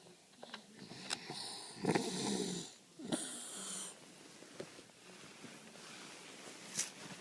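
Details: Daughter, a loud snorer: loud, rough snoring breaths with snorting noises during sleep in a quiet room; snoring.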